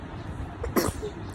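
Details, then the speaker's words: A baby sneezes, followed by a parent's sympathetic comment in Telugu. Sneeze. "అయ్యో తుమ్ము వచ్చేసిందా నీకు"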